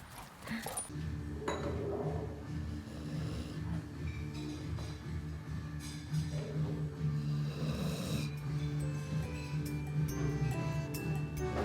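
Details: Pet dog snoring: low, rumbling snoring breaths, partly masked by background music; canine snoring.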